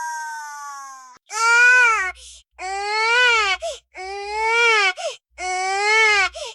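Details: Rhythmic, high-pitched infant wailing in repeated bursts with brief gasping pauses, presented as a baby monitor cry alert sound effect; an ordinary infant cry.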